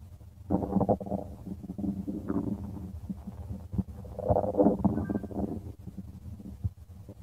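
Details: Stomach of a person: low, rolling gurgles and rumbles coming in irregular bursts, ordinary stomach growling (borborygmi).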